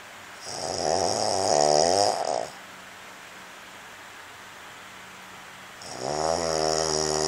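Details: Sleeping man, snoring loud enough that earplugs didn't help roommates: two long, buzzing, vibrating breaths with a quiet gap between; snoring.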